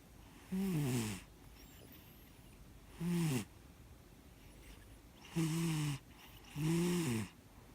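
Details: Sleeping 13-year-old large male cat snoring loudly: four short, tonal, whistling snores about every two seconds in a quiet room.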